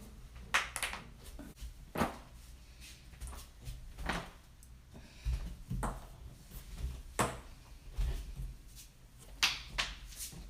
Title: loud joint cracking compilation